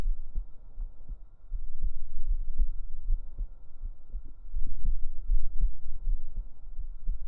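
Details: Real heartbeat recorded up close on the chest with binaural microphones for ASMR: muffled, deep rhythmic thumps with a low rumbling hum throughout.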